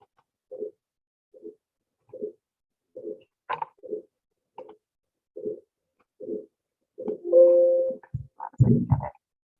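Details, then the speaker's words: Heart sound recording of aortic stenosis, stiffened aortic semilunar valve cusps, played in an anatomy and physiology lecture: regular harsh, rasping beats about 75 a minute with swelling and fading quality; brief room noise at end. "So we're going to listen to one that happens in aortic stenosis, which is sort of stiffening of those semilunar cusps in the aorta, so those aortic valves."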